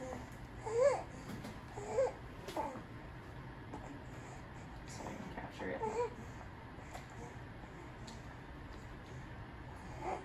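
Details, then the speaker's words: Infant boy with laryngomalacia; on endoscopy, floppy tissue flopping in above the vocal cords narrows the upper airway into a whistle, giving brief high-pitched squeaky noises on breathing in, inspiratory stridor. "so that's what's really kind of causing a narrowing here and turning that kind of into a whistle so that you hear that sound"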